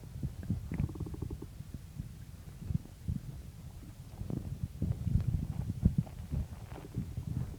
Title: Morning stomach growls